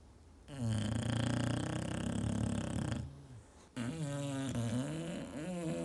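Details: Snoring in sleeping English Bulldogs, a flat-faced breed, possibly rescue dogs: a loud rattling snore on a long in-breath, a pause, then a second snoring breath with a throaty flutter.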